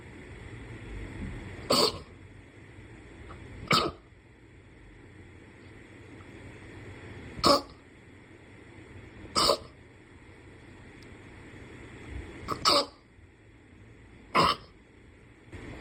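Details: A series of sneezes: about seven short, sharp bursts over room hiss, spaced a couple of seconds apart.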